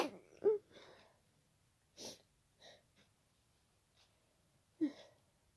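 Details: Person with an ongoing cold, very tickly nose, not stifling: two forceful, wet, loud sneezes with sniffs and breaths between them; sneezing.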